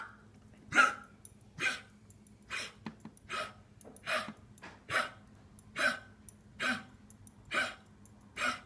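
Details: Dog wheezing: repeated harsh, noisy breaths about 70 per minute, some with a faint whistle.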